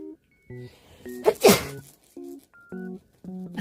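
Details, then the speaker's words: Single sharp adult sneeze from a mother, startling her baby with Down syndrome who is eating snacks, over light background music and baby sounds. "엄마 제 책에서 놀랬어냐"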